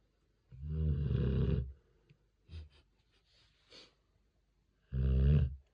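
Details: Sleeping Rottweiler puppy snoring loudly enough to fill the house: deep, rumbling snores in a quiet room, with soft snuffling breaths between them.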